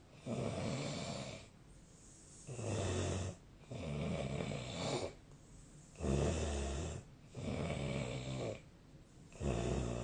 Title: Snoring Sleep Sound 2025/03/18